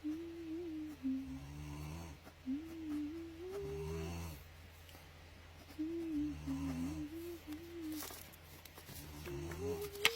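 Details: Someone snoring while another person draws: low rumbling snores with a whistling, wavering tone on each breath over a steady low background hum.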